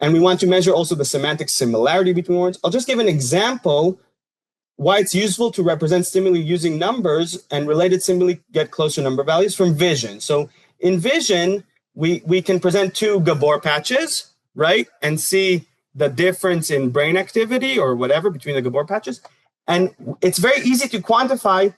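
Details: Adult speaker, lecture; normal speech.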